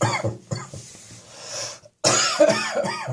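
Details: Person with a hot, irritated chest and throat on a cold winter day: two runs of short, harsh, partly voiced coughs, about seven in all, separated by a brief pause; repeated cough.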